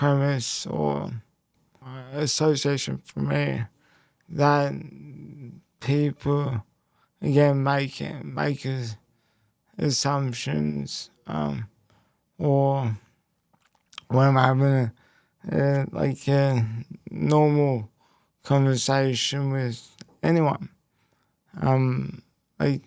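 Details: Speech impairment in a man after a left-hemisphere haemorrhagic stroke at age 12, followed by a five-week coma, with right-sided body weakness; speech was the most affected area and had to be relearned.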